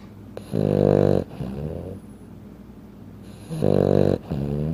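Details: A sleeping 15-pound Frenchton dog snoring like an adult human: two loud, buzzing inspiratory snores with softer whistling out-breaths.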